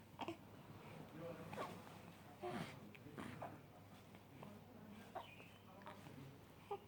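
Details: Infant makes a run of about eight short, abrupt voiced catches, roughly one per second, in a quiet room: hiccups.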